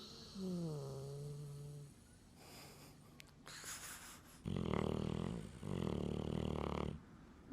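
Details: Sleeping and snoring: two loud, rough snoring breaths after a short whining sound, with quieter breathing between them.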